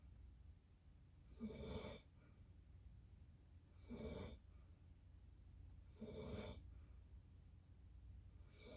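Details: Snoring: three rough, fluttering snores a little over two seconds apart, about 26 a minute, against a steady room hum.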